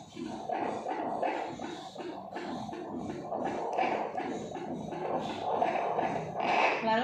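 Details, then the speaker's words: Doppler over a pregnant mother's abdomen during a midwifery practical exam, counted for 1 minute: rapid rhythmic whooshing fetal heartbeat at 145 per minute, normal (120–160); fetal presenting part engaged in the pelvic inlet. "didapat hasilnya yaitu 145 denyut jantung bayi yang janin yang normal itu adalah 120-160 berarti denyut jantung bayi daripada si Ibu itu adalah normal dan baik"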